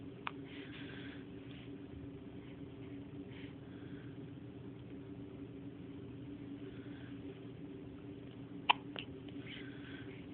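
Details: 5-day-old baby girl's first hiccups, at 5 am: three brief, sharp hiccup clicks, two close together near the end, over steady room hum with faint voices; hiccups.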